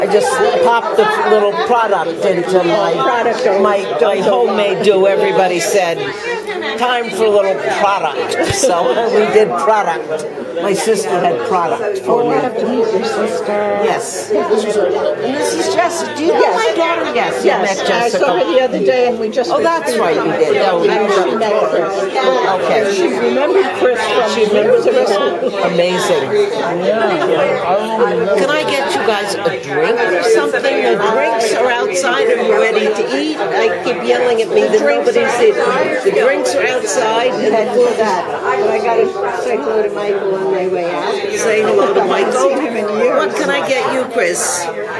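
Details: Aphasia in a speaker whose clip is presented as an aphasia example; hesitation and repeated word starts are heard.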